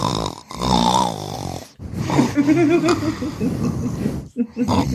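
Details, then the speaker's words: Adult deliberately imitating another person's snoring on a podcast, harsh rattling voiced breaths, clearly performed rather than asleep; snoring imitation. "all right so my best on-air snore i how do I don't know how I sound I sound like an old man"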